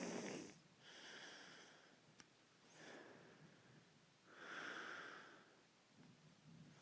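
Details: Snoring: slow, noisy breathing with hissy, rattling sounds on each breath, about three breaths in seven seconds.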